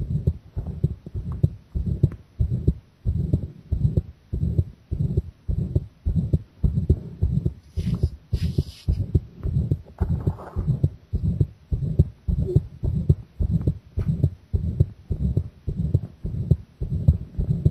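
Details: Own heart recorded directly against the chest with pressure applied, already pounding from the start: strong, fast, regular heartbeat thumping about 105 per minute; pounding heartbeat.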